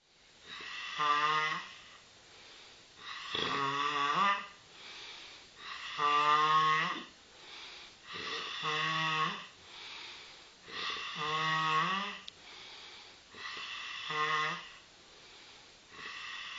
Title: How does she stop snoring